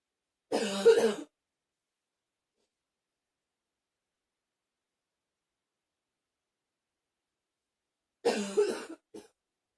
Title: 10 minutes of coughing